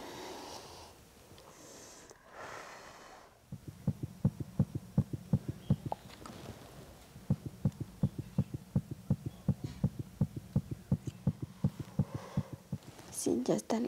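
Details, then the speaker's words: Rapid regular whooshing fetal heartbeat picked up by Doppler during a prenatal clinical exam by a health sciences student in Guatemala, after checking whether the baby is engaged; some background movement noise. "bueno te voy a intentar escuchar los latidos del corazón de ese niño pero antes vamos a ver si está encajado"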